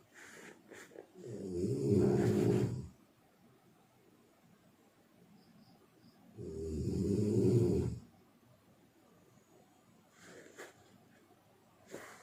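Deep, rattling snores about every five seconds, roughly 12 breaths a minute, with quiet exhalations between; ordinary snoring.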